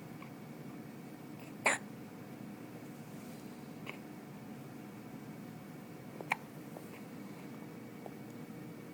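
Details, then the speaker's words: Baby boy with hiccups: two sharp, brief catches of breath about five seconds apart in a quiet room; infant hiccups. "See, the hiccups are making me tired. My bad."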